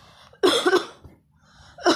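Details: An adult (the baby's mother) gives one deliberate, forceful cough burst, then the start of another, to make her baby laugh; nothing suggests illness.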